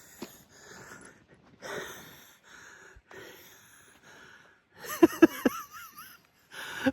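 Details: Heavy, effortful breaths with whistling, squeaky tones near the end, fitting asthmatic wheezing after climbing a hill outdoors on a cold day.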